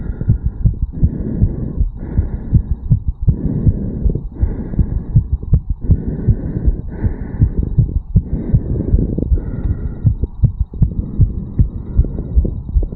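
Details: Tachycardia in a 34-year-old male after a quick morning jog, recorded at the mitral (bicuspid) valve area: a fast, steady heartbeat with strong, closely spaced thumps.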